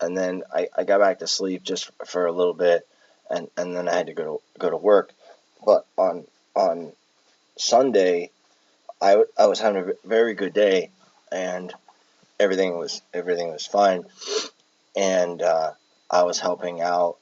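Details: Palilalia with word and phrase repetitions in an adult with Tourette syndrome who has echolalia and palilalia traits, recorded while exhausted with tics affecting speech.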